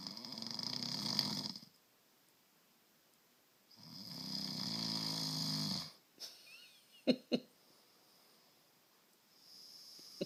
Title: Husband snoring